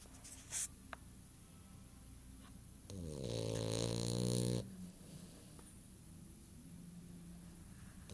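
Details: Female dog snoring with her eyes open: one drawn-out, buzzing snort-snore lasting under two seconds over quiet room noise.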